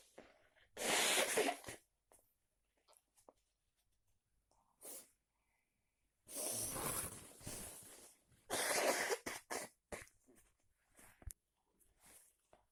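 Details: Several sharp, explosive sneezes with quiet breathing between them, after a walk in heavy, cold rain without an umbrella.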